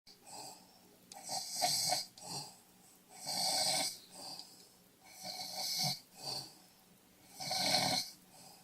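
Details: Loud, harsh rattling snoring breaths in and out, steady cycle of about 15 breaths a minute.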